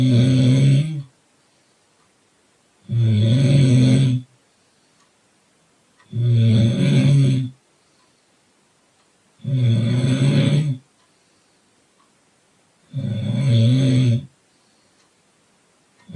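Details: Sleeper in a car: loud, rumbling, buzzing snores on each breath, about 18 per minute, steady rhythm with quiet pauses; snoring.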